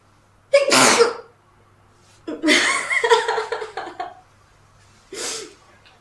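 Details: Model sneezing in a quiet room: three sharp, explosive voiced bursts, the middle one longer with a trailing vocal sound, repeated sneezing.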